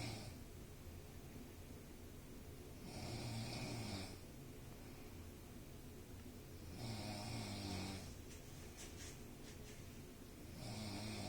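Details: Loud, low, rumbling snores on each in-breath, about every four seconds (roughly 15 a minute), with hissing breaths between; heavy snoring.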